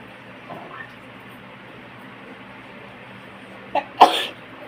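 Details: A short snort followed by one sharp sneeze, likely from a dog, over a steady background hum; sneezing.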